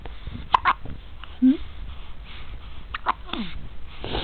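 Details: Hiccups: several sudden, brief, sharp catches of breath among soft voice sounds.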